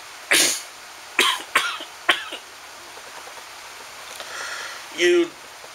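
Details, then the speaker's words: Adult whose doctor diagnosed chronic bronchitis or asthma that flares when sick, coughing since middle school, now with presumed strep throat: several short dry cough bursts, then a brief vocal sound. "this will explain why every time i get sick see the flu or something the actual sickness doesn't last that long but i end up end up coughing for about a month afterwards two months"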